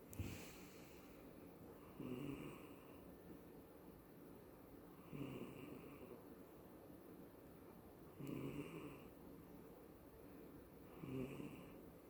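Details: A sleeping cat, dreaming and twitching, snores with soft buzzing snores at about 20 breaths a minute in a quiet room.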